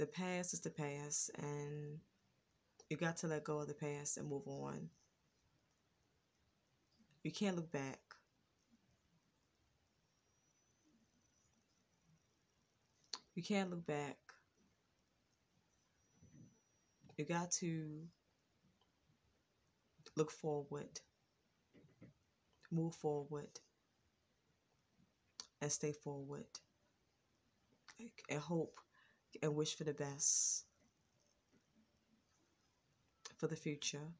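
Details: Adult woman with a stutter she says she will always have, now more controlled than before and worse when excited; stuttering.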